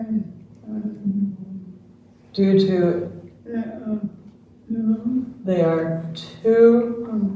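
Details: Dysarthria in an older man, a retired pediatrician, with ALS diagnosed in late 2021; his wife translates his speech, and his jaw trembling is neurologic clonus.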